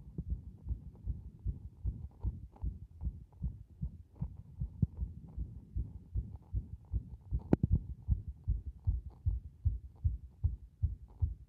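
Rapid heartbeat with uneven spacing between beats and occasional extra beats; a frequently irregular heart rhythm.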